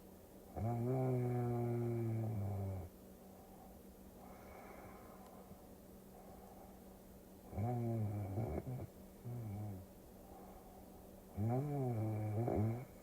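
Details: Drawn-out, groaning, tonal snores over a steady background hum, played as a relaxing sleep-aid recording with a Tokyo cruising scene; snoring.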